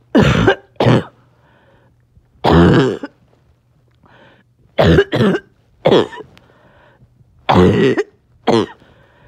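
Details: Barking cough, present on and off all day: harsh, hollow coughs in pairs and short runs, about a dozen in all, with a seal-like barking quality.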